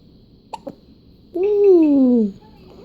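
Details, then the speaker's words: Baby's first hiccups: two quick, sharp hiccups followed by a short voiced coo from the baby. "Hiccup. Yeah, you got the hiccups. Yeah, you do."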